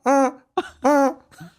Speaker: And so the telltale sign is a stridor type cough and breathing, and a seal sound during the cough. It sounds something like this.